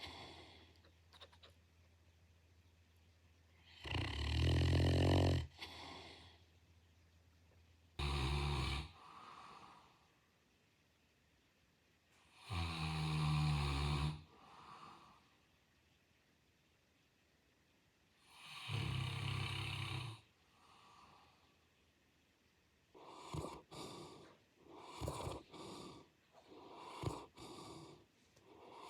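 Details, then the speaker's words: Deep, rumbling snores from a sleeping large dog in a household of giant-breed dogs, roughly one every five seconds, with snorting near the end. "Our house is always filled with the sound of our dog's snoring..."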